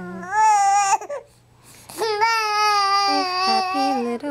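Sustained high-pitched wailing cry with a brief pause and gasp, then renewed crying; an ordinary infant cry.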